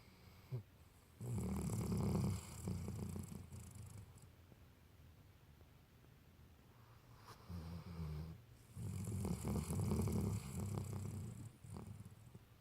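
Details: Snoring during sleep: slow, loud rattling breaths in and out, about five cycles a minute.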